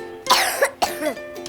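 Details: Two short, sharp acted (simulated) coughs from a child over soft background music, in an advertisement for a children's cough syrup.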